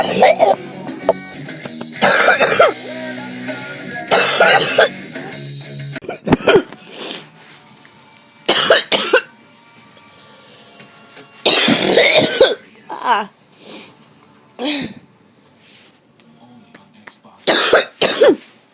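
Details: Adult with a cold: a series of harsh, rasping coughs, some in quick pairs, with music briefly underneath.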